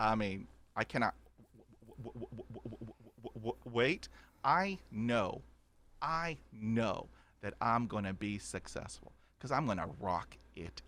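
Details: Adult man who has stuttered since childhood, describing about 80% fluency after 20 years of speech therapy, with blocks and repetitions; stuttering.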